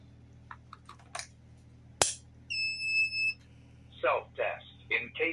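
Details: Philips HeartStart AED during installation training: a click and a steady electronic beep as the defibrillator runs its self-test, followed by a spoken device prompt.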